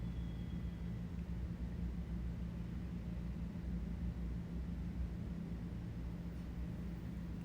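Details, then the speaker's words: Stethoscope over the iliac artery of a healthy patient, checking for bruits: steady low rumble of stethoscope and body noise, with no whooshing bruit; normal iliac auscultation. "If you suspect arterial insufficiency in leg, listen for bruits over the aorta, right iliac artery,"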